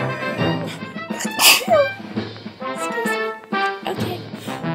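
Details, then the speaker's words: One sharp, hissing sneeze from a female over loud background music, after she says she is about to sneeze. "I'm about to sneeze I'm about to sneeze are you going to sneeze"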